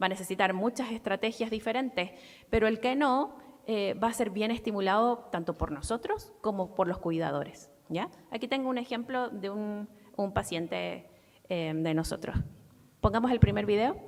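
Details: Adult woman; Typical speech.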